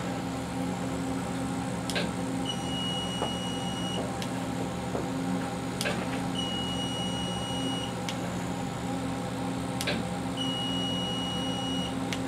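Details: Pentagon Grand 20W/30W RF-metal-tube fractional CO2 skin-rejuvenation laser passed over face and forehead as in a real treatment: steady machine hum with clicking firing sound and high beep about every 4 seconds.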